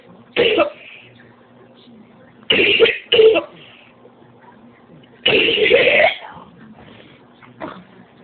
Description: No changes. Still coughing up vital organs at least the ones I have left.